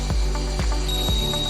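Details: Eighteeth E-Connect S endodontic motor with built-in apex locator running at speed 350 during a demonstration; steady motor hum, regular clicking pulses about twice a second and a thin tone as the apex locator tracks the file.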